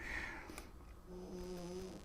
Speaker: you can hear the dogs really snoring.